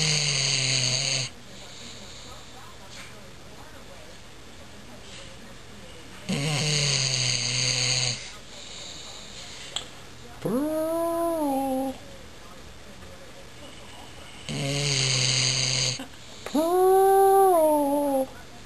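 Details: Loud, raspy snorting breaths alternating with short whining vocal sounds from a dog while awake, not asleep: snore-like noisy breathing.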